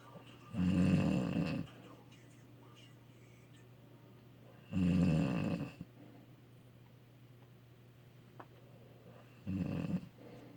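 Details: Wife snoring: three loud, low rattling snores about four seconds apart, roughly 14 breaths a minute, with quiet exhalations between; steady low room hum; snoring.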